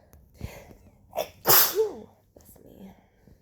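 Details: Adult with fibromyalgia and chronic fatigue syndrome on a hot, humid day of about 40°, indoors on the couch with sniffles: a quick gasping build-up, then one loud sneeze ending in a voiced trailing sound, followed by a soft sniff.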